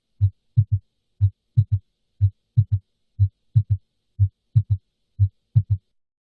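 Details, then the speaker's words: Third heart sound (S3), classically loudest at the apex: low-pitched heart sounds about 60 a minute with an extra dull sound just after S2, the "Ken-tucky" cadence. "Now, the way many people recognize an S3 is by listening for the word Kentucky. So, Ken is the S1 and Tucky is the S2 and the S3 together."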